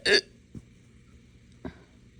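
A sharp gulping catch in the throat, then two faint follow-up catches about a second apart, as in hiccups with small belches.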